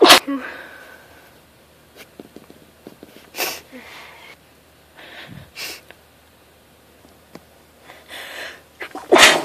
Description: & its tickling my nose !!!